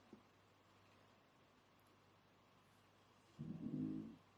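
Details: A single low, rumbling snore from a pet rises briefly out of a quiet room near the end.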